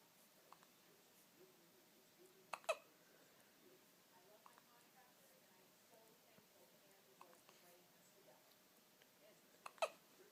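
Two sharp, short hiccup sounds about seven seconds apart, with faint babble and room noise between; hiccups.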